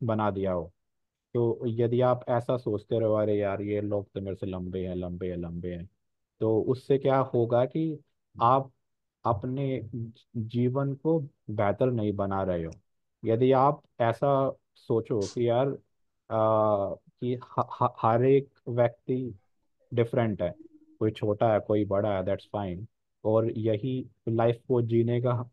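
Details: Real stammering in an adult man who says he fears speaking after giving stage talks; stuttering.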